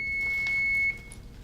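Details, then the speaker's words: AED switched on during a simulated cardiac arrest training scenario: a single high steady beep just under a second long in a quiet room; AED power-on beep. "and so right now I am going I've got the AED here the first thing you do with an AED is turn it on"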